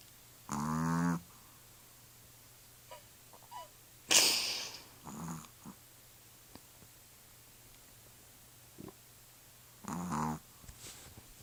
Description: My Pomeranian Loki snores it's so freaking funny